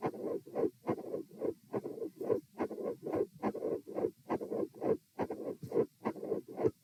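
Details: Stress-test heart auscultation at position M, sitting then standing then lying, with rates of 90, 108 and 72 bpm. Regular heart sounds near 70 a minute with a split S2, a mid-systolic murmur and electrical disturbance.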